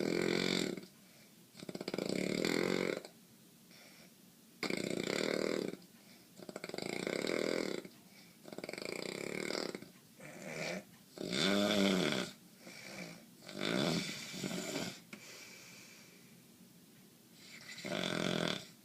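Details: Sleeping man with nightly sinus congestion causing breathing problems: loud, rough, rattling snores repeat with each breath, separated by quieter pauses. Heavy snoring.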